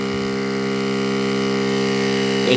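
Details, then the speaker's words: Oxygen concentrator switched on after a major repair, output airflow checked with a tissue: steady mechanical hum with low droning tone and faint airflow; running. "So let me take a tissue paper to see how is it. Back. Oh gosh. No. Yeah. See? The air is blowing."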